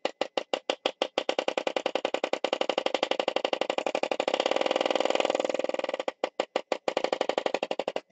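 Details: Electric chest percussor tapping rapidly and steadily at about four per second, briefly speeding into a continuous buzz. Used for lower-lobe airway-clearance chest therapy in cystic fibrosis, with rattling and crackling in the chest.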